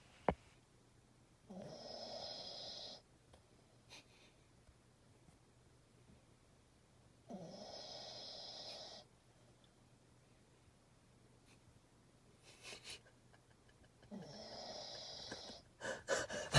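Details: Sleeping dog snoring in slow, regular rasping breaths, about ten a minute, over a low room hum.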